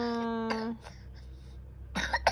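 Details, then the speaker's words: Coughing after eating watermelon: a steady voiced tone, a quiet pause, then two short harsh cough bursts at the end. "Tuh kan jadi batuk, tadi nggak batuk, makan semangka jadi batuk."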